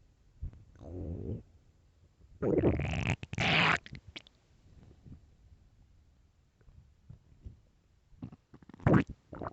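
Loud low gurgling and rumbling bursts with quieter bubbling between; ordinary stomach growling from gas and fluid moving through the gut.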